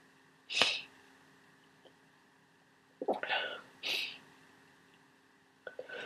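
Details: Person who woke up sneezing and congested with a cold: three sharp, wet sneezes with breathy intakes, followed by a sniffle.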